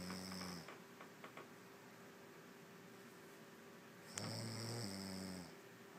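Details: Woman asleep and out cold after a long day: two low, buzzing snores separated by quiet breathing with a few soft clicks; snoring.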